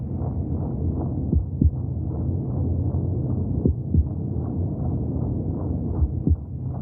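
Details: Fetal heartbeat recorded from inside the womb: muffled, steady whooshing with faint soft thumps.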